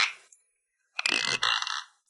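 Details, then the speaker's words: Middle-aged man grinding his teeth in sleep at night for 20 years, teeth half worn down, disturbing neighbours: loud harsh scraping and grating bursts of severe sleep bruxism. "おじさんは、自分が歯ぎしりして20年になると言いました歯が半分すり減った今では食べ物を噛むことができないスープしか飲めません"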